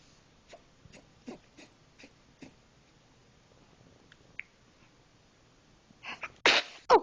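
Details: Male sneezing: quiet sniffs and short breaths, then a loud sharp sneeze burst near the end followed by another forceful sneeze.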